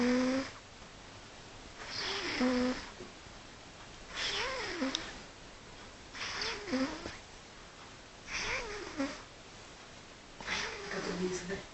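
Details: A sleeping cat snoring rhythmically, with about six snoring breaths with a faint whistling tone, roughly 27 breaths a minute.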